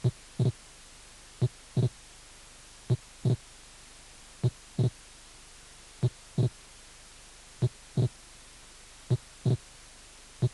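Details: Wide, variable (mobile) splitting of the second heart sound: slow, regular beats near 40 a minute with a clearly doubled second sound.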